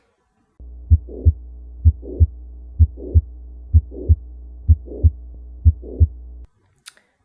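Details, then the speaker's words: Paediatric cardiology teaching example of a late systolic murmur, usually reflecting mitral regurgitation and accompanied by a mid-systolic click: regular heartbeat about 63 a minute with a soft whooshing late-systolic murmur. "And late systolic murmurs are usually reflective of mitral regurgitation and are usually accompanied by a"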